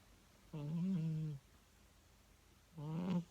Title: Snoring cat - Miso having a dream in my bed